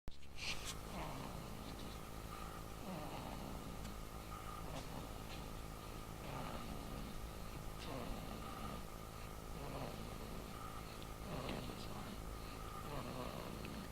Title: Kung Fu Snoring